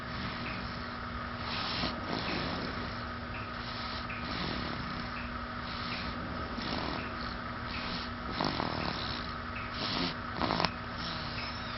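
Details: Rough, rattling snoring noise recurring over a steady background hum, with a few louder snorts near the end; snoring.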